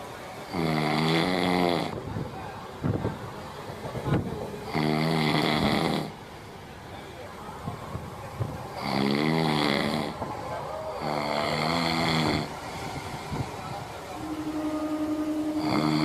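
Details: Loud, rattling, voiced heavy snoring repeating every few seconds during a morning train journey in India, heard over rumbling train noise.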